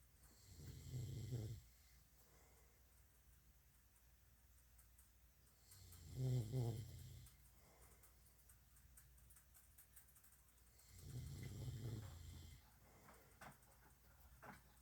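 Three low rumbling snores roughly every five seconds, with quiet pauses between, at about 12 breaths a minute.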